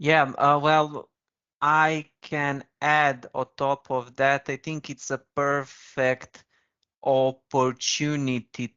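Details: Man with a stammer who once spoke very slowly to control it; stuttering in conversational speech.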